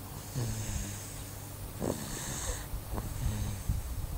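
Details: Low rumbling snores with breathy sounds between them in a quiet room: ordinary snoring.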